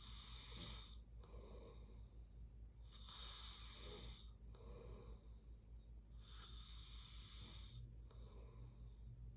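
Rough, rattling snores with each breath, about 18 breaths a minute, over steady room hum. Snoring during sleep.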